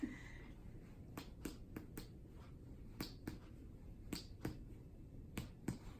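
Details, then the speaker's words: Abdominal exam, percussion to find the liver margins: repeated paired finger taps on the abdomen; liver span about 4 cm, normal, with no liver enlargement. "I'm also going to peras uh to find the liver margins so I'm going to start there"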